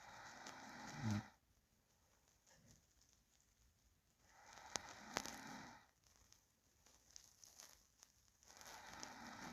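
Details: Real recording of a sleeping person: slow, soft breathing, about 15 breaths a minute, with a faint low rattly noise on each breath; light snoring.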